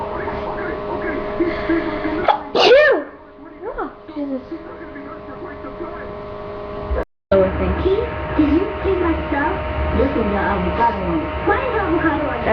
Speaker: We both have allergies for sneezing.